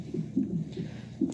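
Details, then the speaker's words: Fetal heartbeat on a labor monitor during a maternal contraction, rate dropping with the contraction, before a C-section: soft rhythmic whooshing pulses. "and the top is my baby's heartbeat and you can see that it goes down and you can even hear it like because i'm having a contraction right now and you hear his heart"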